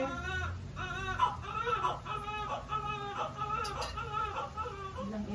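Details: Repeated rising-and-falling wailing cries from a newborn girl just after a normal spontaneous vaginal delivery, with faint room noise; a normal vigorous newborn cry.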